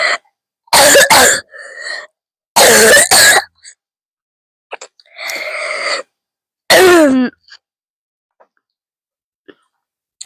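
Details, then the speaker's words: Hard, explosive repeated coughs strong enough to bring tears, recorded as a cough-ASMR clip. Two pairs of coughs, each followed by gasping and throat sounds, then a strained vocal sound; a forceful cough. "Hi guys, it's ASMR but with coughing coughing coughing coughing. First one of the day."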